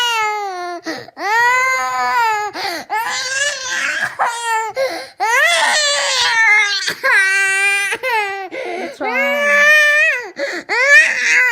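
Loud, tearful wailing in rising and falling bursts with sobbing breaths between them; a distressed young child crying.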